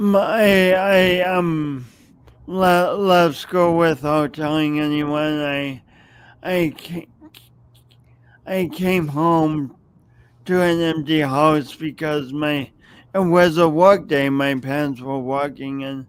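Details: Adult man with a long-standing speech impediment, no specific diagnosis named, audible whenever he speaks; stuttering.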